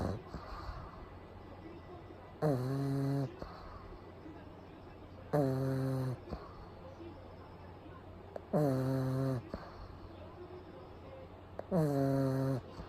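Loud, regular snoring about every three seconds, roughly 19 snores a minute, with quiet breathing between.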